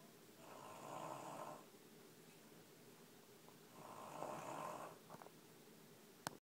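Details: snoring: Sleeping baby giving two soft, rasping snores about three seconds apart in a quiet room.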